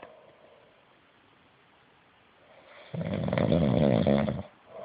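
After a quiet stretch, one loud, rough, rattling snore on the in-breath lasting about a second and a half; ordinary snoring.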